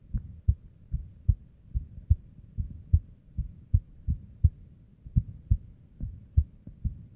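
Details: Female's unstable resting heartbeat, abnormal heart audio recorded with a simple microphone or headphone: low beats with uneven spacing and varying loudness, some coming early; irregular heartbeat with abnormal beats.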